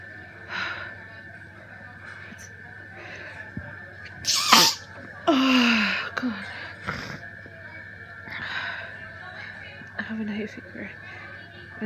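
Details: Hay fever sneezing while studying in a Starbucks café: a sharp inhale leads into a loud explosive sneeze, then a second sneeze, over a steady room hum.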